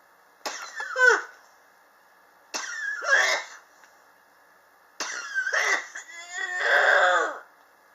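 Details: Chronic cough since summer 2016, still present in 2019, not relieved by medicine or home remedies; patient blames building temperature swings in a high-rise. Three harsh cough episodes with strained, raspy throat quality over steady room hum.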